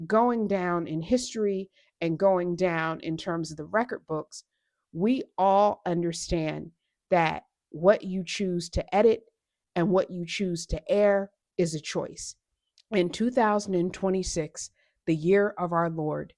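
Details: Adult woman speaking; Normal speech.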